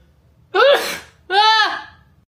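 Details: Young Asian woman sneezing: two loud voiced sneezes in a quiet room, each a sharp burst trailing into a vocal tail; ordinary sneezing.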